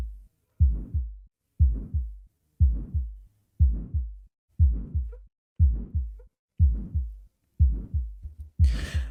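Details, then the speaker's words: Aortic stenosis: a regular heartbeat at about 60 a minute with a harsh crescendo-decrescendo murmur filling systole, best heard at the second right intercostal space and radiating to the carotids. "The murmur radiates to the carotids and the murmur is best heard in the second right intercostal space."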